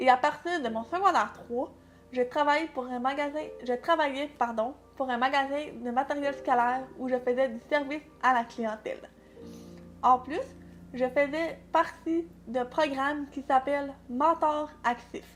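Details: Speech of a 21-year-old woman, deaf from early childhood, who got her first hearing aids at 11 months and had speech training; her early language delay has since caught up; prelingual hearing loss.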